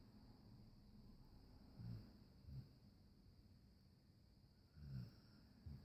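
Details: Soft snoring while sleeping comfortably: quiet, low, rumbling snorts recur every few seconds against a steady background hum.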